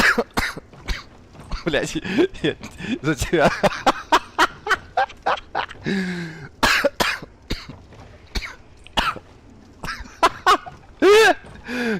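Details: An adult man on a livestream gives a run of short, harsh coughs and throat clearing mixed with laughter; a cough.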